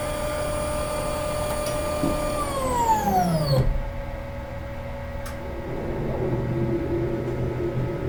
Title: MRI Sound Effects 💀 CT Scan Sounds